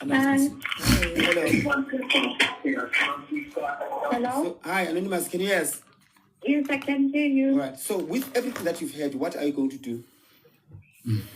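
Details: Adult speakers on a live call; ordinary conversational speech.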